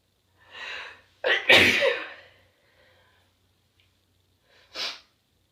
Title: strong sneezes 10/6